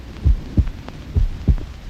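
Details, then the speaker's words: Human heartbeat amplified electronically: deep, even lub-dub pairs at about 65 a minute, a normal heartbeat. "it is the sound of a human heart which science can amplify a million times"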